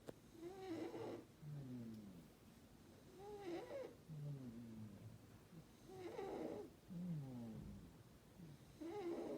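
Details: Sleeping Burmese cat snoring: soft, rhythmic snuffling snores with each breath, roughly 20 a minute, in a quiet room.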